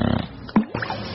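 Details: Snoring presented in a TV segment on drowsy driving, loud snoring, and sleep apnea with breathing pauses.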